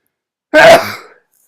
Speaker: me there it is told you and all hold back on my sneezes